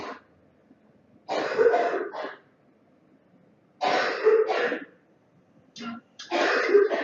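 Four bouts of harsh, throaty coughing, each two or three coughs in quick succession, with quiet pauses between.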